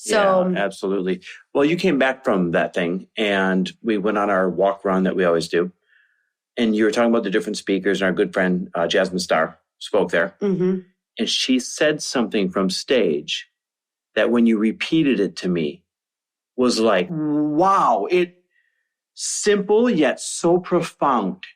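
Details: Adult woman speaking, conversational; ordinary speech.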